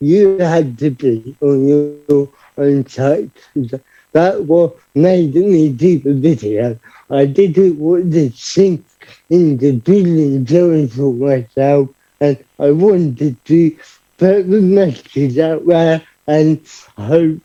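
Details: Adult man, about 30, with cerebral palsy who describes his own speech impediment, unclear on the phone, as part of his condition; dysarthria (cerebral palsy).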